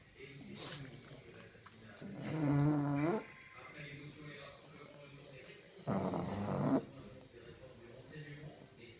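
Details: Pug asleep snoring: two loud, rattly snores about four seconds apart with softer breathing between, from a sleeping small flat-faced dog; dog snoring.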